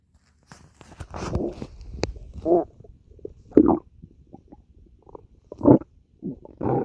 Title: stomach growling 3